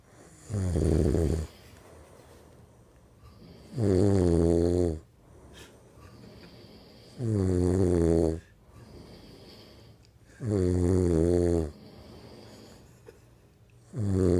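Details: Snoring after a hard night out, recorded on an iPhone: loud, rattling snores on each in-breath with quiet out-breaths between, about 18 breaths a minute.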